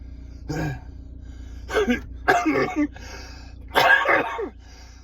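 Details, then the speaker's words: Four harsh, wet coughs in quick succession in a parked car, a productive morning coughing fit after walking up steps, from an adult whose body is trying to clear mucus. "just having a bit of a cough fit. body's trying to clear all the mucus. This is what to expect."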